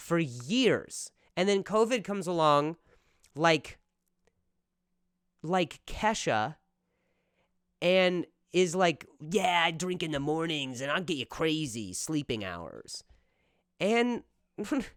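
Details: Real stuttering in an adult male comedian speaking casually on his own podcast.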